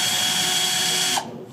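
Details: Steady high-pitched mechanical whine of a powered surgical drill running about a second, then stopping, during a hands-on arthroscopic fixation workshop, around a Q-Fix anchor demonstration for instability.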